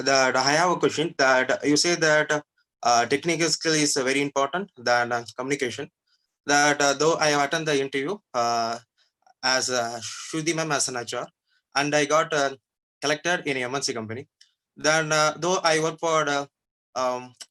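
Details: Real stammering in a male working professional who says his stammering limits expressing his knowledge at work; stuttering.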